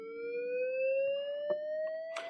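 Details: Defibrillator charging tone in a training setup with an EKG rhythm generator simulator, with energy selectable up to 360 joules: a steady electronic tone rising slowly in pitch with faint background clicks.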